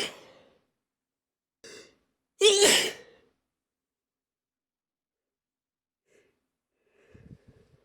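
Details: Sneeze compilation of stifled and normal sneezes: a small stifled sneeze followed by a louder full sneeze burst, then quiet breathing.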